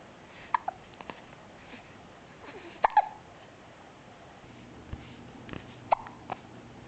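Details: Several short, sharp hiccups, some in quick pairs, in a quiet room; repeated hiccups.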